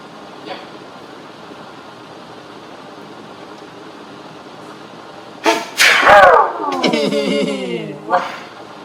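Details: Loud sneeze with a falling voiced tail and a brief second burst, part of a father's repeated sneezing fit of four sneezes in two minutes.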